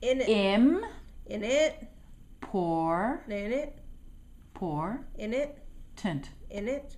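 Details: Woman early in speech therapy soon after a fall, struggling and frustrated trying to produce a single word; initially spoke about 28 words per minute (apraxia of speech with aphasia)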